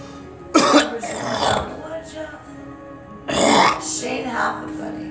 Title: Me coughing